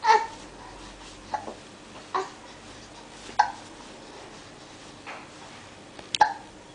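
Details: Short, sharp catches of breath recurring about every second in a quiet room from a 7-week-old baby boy; infant hiccups.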